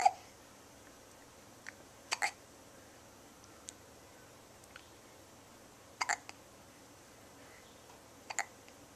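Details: Two-week-old infant with hiccups: small, sharp, brief catches every few seconds, some paired, in a quiet room.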